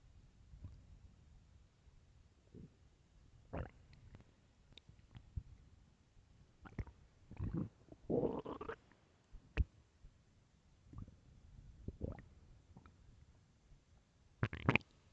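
Scattered gurgles, squeaks and rumbling bubbling sounds at irregular moments: stomach growling from gas and fluid moving through the gut, a normal finding.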